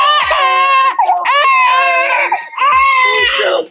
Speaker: I think she's gassy what are you doing she just has to like release the gas